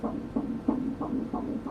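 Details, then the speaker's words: Rapid, regular whooshing pulses, about 178 a minute, on ultrasound Doppler at a 10-week pregnancy after a previous missed miscarriage at about 14 weeks; described as a quick heartbeat; a normal fetal heartbeat. "That is a quick little heartbeat there. She's star of the day, this baby."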